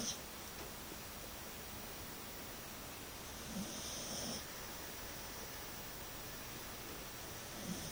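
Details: Sleeping cat: a soft, faint snoring breath rises once or twice over steady quiet room hiss; snoring.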